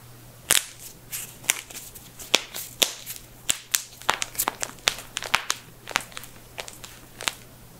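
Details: A rapid series of about twenty sharp, loud pops and cracks in under eight seconds from knuckles being cracked; harmless joint sound.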